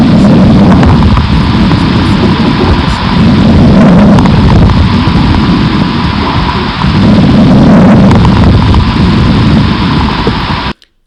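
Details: Fine crackles.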